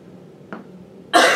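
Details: Adult woman with a common cold, needing a tissue: quiet room, faint throat sound, then one harsh cough burst; cough from a cold.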